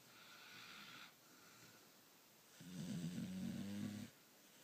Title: Snoring Puppies .. It's been a hard day